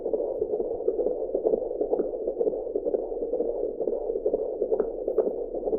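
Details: Fetal heartbeat recorded with an Angel Sounds home fetal Doppler: rapid whooshing pulses, about 128 a minute.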